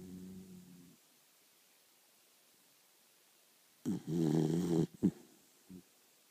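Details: Dog Rita snoring in low rumbling bursts between quiet pauses, soft at first then louder and harsher, starting before she's fully asleep.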